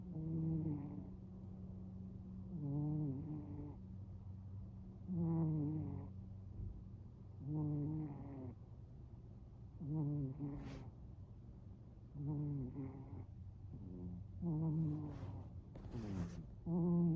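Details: Snoring during sleep: soft, rhythmic snores with a fluttering, purring quality, about 13 breaths a minute, with a few short squeaky sounds near the end.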